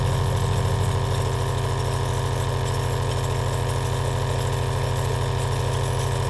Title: The aerosol nebulizer sound that cured my insomnia